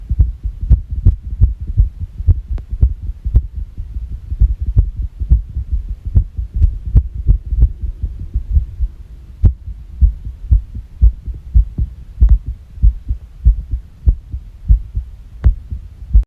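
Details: Irregular heartbeat; the person reports the heart stopped for 9 seconds after a shock: rapid, low heart thumps with uneven spacing and varying strength.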